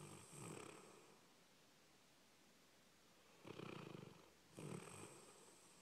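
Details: Dog sleeping after a busy day at doggie day care: soft, rough breaths recurring a few seconds apart over room hiss; quiet snoring.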